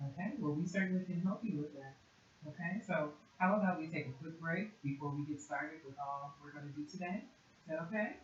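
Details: Adult clinician speaking; typical speech.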